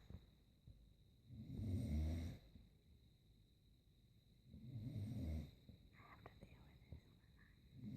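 Two deep, rumbling snores about three seconds apart, with quiet breathing between; ordinary snoring.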